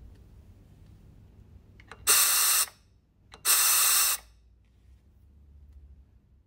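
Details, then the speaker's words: Anaesthetic machine check (Datex Aspire) per AAGBI 2012 guideline: emergency oxygen flush tested while the common gas outlet is engaged; two loud rushing gas bursts, each under a second and starting with a click. "whilst the outlet is engaged you can test the emergency oxygen flush"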